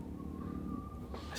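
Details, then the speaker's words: Stomach growling (borborygmi) heard and remarked on as "appropriate" by the speaker, whose topic is intermittent fasting. "stomach growled, did you hear that? That's appropriate."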